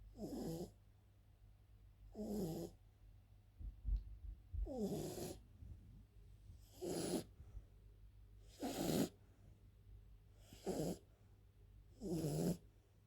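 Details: French bulldog snoring during sleep: regular snorting snores, about 30 a minute, each a short rattling breath in a quiet room.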